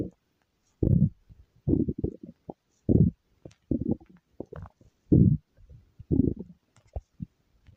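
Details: A person's stomach growling: low gurgling rumbles in irregular bursts over several seconds, ordinary borborygmi.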